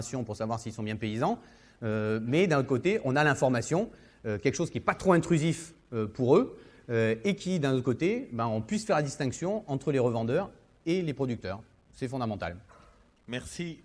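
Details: Adult man speaking French; normal voice.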